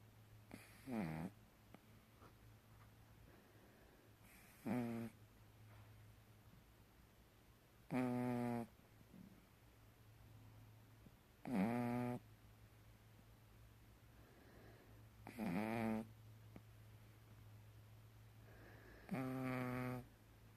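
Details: Pug, male: loud, buzzy snores about every 3.5 seconds, roughly 16 a minute, over a steady room hum; noisy snoring in a short-nosed dog.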